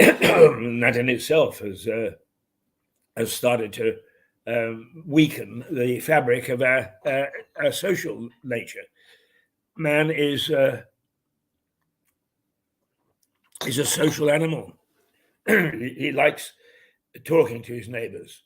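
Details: Adult man with Parkinson's disease who says his throat goes for a while then begins to clear; Parkinsonian dysphonia.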